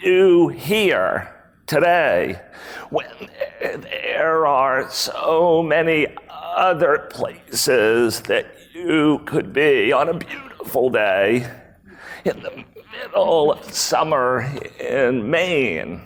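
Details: Real adult man with spasmodic dysphonia, a rare voice disorder acquired in 2010, recorded at a 2018 keynote; his throat muscles spasm and contract when he talks, sometimes making speaking difficult. Finding: spasmodic dysphonia.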